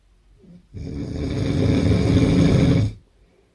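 One loud, harsh, fluttering snore lasting about two seconds; heavy snoring.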